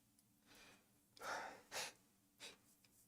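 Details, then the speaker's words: Adult sneeze during a live talk, speaker blaming allergies: a quick indrawn breath, a forceful burst of air, then two shorter sniff-like blasts. "I love to hear how Islam explains I got to sneeze."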